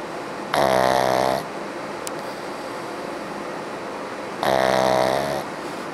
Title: Cute pug snoring again!!